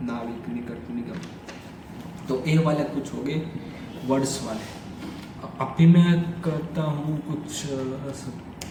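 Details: Adult man who stammers, doing daily speech practice (tongue and lip exercises, tongue twisters, breathing, story-telling); stuttering.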